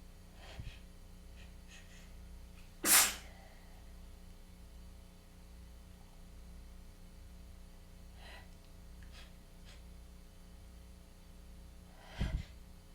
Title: Tickly, congested weather change sneezing fit